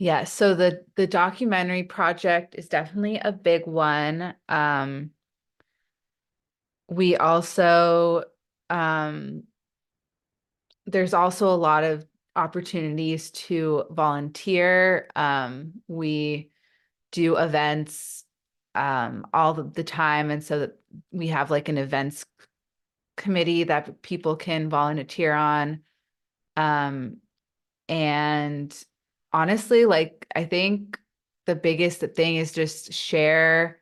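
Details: Adult woman who stutters, a stuttering-awareness advocate, speaking in a real podcast interview; stuttering.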